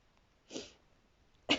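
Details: Adult sneezing repeatedly at night, noting unusual painful stifled sneezes: two short, high, airy bursts, the second sharper, heard as small stifled sneezes.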